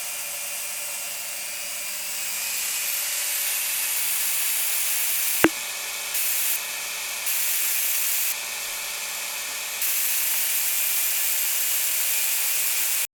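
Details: Emesco 107NH antique dental drill running: steady high whirring of the old motor, with a click and brief changes in pitch.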